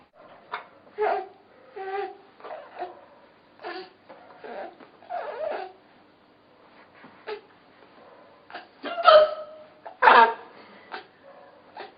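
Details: Mother's hiccups: repeated short voiced gulps, about one a second, mixed with laughter in a small room.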